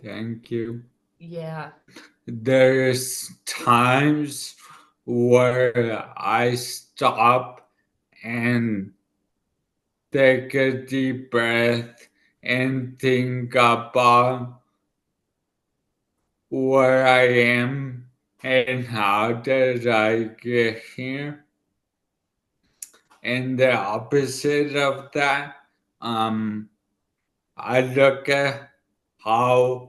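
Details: 40-year-old man, former elite runner, with dysarthria from an ischemic stroke about two years earlier in the right brain, affecting his left side and part of his tongue and mouth; he had to relearn speaking.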